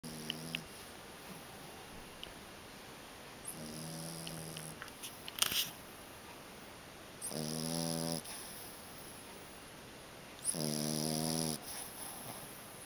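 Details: Dog found asleep under a kotatsu blanket, eyes open, not waking when touched, snores loudly in slow rattling breaths, about four in the clip, with quiet room noise between.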